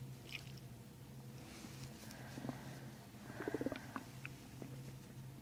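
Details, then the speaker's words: Stomach growling heard during a chiropractic session while the person breathes in and out on instruction; soft gurgling and a brief bubbly rumble over a low steady hum. "Oh, why is my stomach making those noises? Mm-hmm. That was mean. Stomach's growling."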